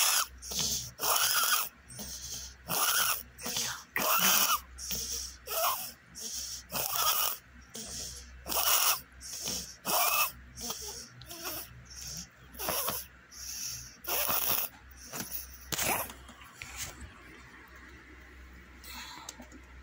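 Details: A dog wheezing: fast, noisy, raspy breaths at about 43 a minute, fitting narrowed airways.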